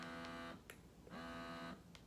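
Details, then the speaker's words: Lansinoh double electric breast pump in its longer expression phase after the two-minute quick letdown phase: steady motor hum in long pulls with brief pauses and soft clicks between cycles, suction still adjustable. "let's say the two minutes is up and now you're on to the longer phases you hear how it's longer poles you can still increase your suction"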